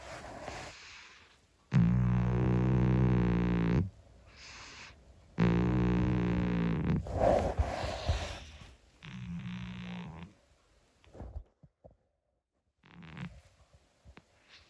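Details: 25-year-old calico cat asleep: three long, loud, buzzing, droning snores with quieter breaths between them; snoring in an elderly cat.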